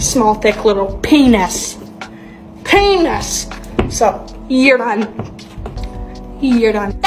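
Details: Tourette syndrome vocal tics with coprolalia, with repeated involuntary phrases and obscene words, in a young woman diagnosed at the Mayo Clinic at 18 and 19 at one point. The compilation traces her tic progression over time.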